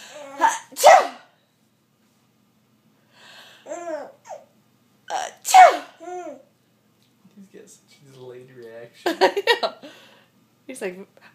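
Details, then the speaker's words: Mother sneezing twice loudly, each sneeze followed by her baby's giggling laughter. "is it funny when Mommy sneezes"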